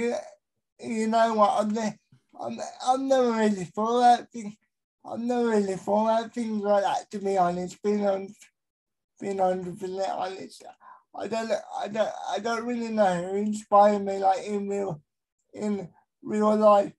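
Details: Dysarthria in an adult male with a severe type of cerebral palsy, real.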